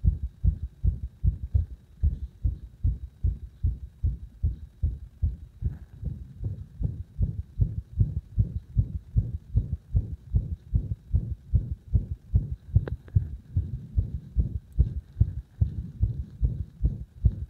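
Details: Heart sounds as pressure on the heart was gradually increased to provoke an arrhythmia: fast, loud low thumps near 150 a minute with some uneven spacing; induced arrhythmia.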